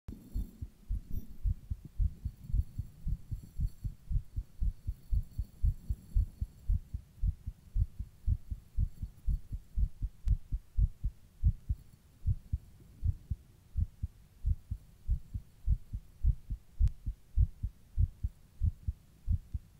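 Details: Own heartbeat recorded while rebreathing into a plastic bag: rapid, regular low beats at about 110 a minute, faster than resting.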